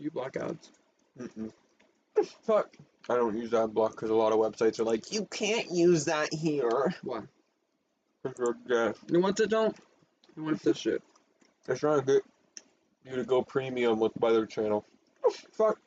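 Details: Tourette syndrome, which they attribute to a recessive allele inherited from both parents. Vocal tics with coprolalia began in fifth grade and worsened in eighth grade and freshman year. Here involuntary vocalizations and obscene words interrupt ordinary speech.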